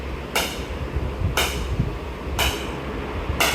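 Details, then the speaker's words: Sharp, loud clacks about once a second: the low-energy start of extracorporeal shock wave lithotripsy on a patient's kidney stone, energy kept low so the patient isn't frightened, firing before the stone is targeted on X-ray. "अभी shock शुरू हो जाएंगे। आपको आवाज भी आएगी। Shocks की energy zero करके चलाऊंगा 10 पे ताकि पेशेंट डरे ना।"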